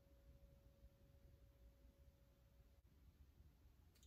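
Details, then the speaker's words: Rinne test, bone conduction phase: a faint, steady pure hum from a vibrating tuning fork that fades after about three seconds over low room rumble; normally air conduction lasts about twice as long as bone conduction. "so in a normal rene test which is also called a positive rene test air conduction is approximately twice as long as bone conduction"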